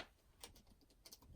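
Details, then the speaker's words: Aging adult woman's knee gives a few faint, sharp clicks as she gets up from her chair; knee popping (joint crepitus). "Ooh, did you hear that? That was my knee popping."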